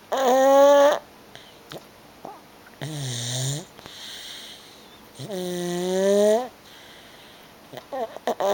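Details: 13-month-old child snoring: several drawn-out, high-pitched breathing sounds with a whistling, squeaky quality and quieter breaths between; snoring.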